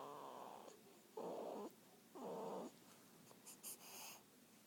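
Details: A few rough, fluttering snoring breaths in a quiet room: ordinary snoring.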